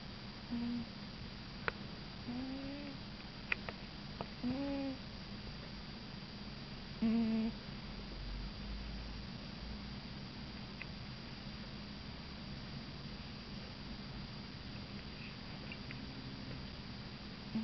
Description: My cat likes to snore.